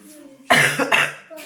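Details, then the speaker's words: Adult woman who has lost her voice from persistent coughing: a single short, harsh, rough, strained cough after quiet background sound. "À force de tousser, aujourd'hui ma voix s'est complètement coupée à partir de là cet après-midi où j'ai plus tout parler, chacun fait ses petits trucs tranquillement."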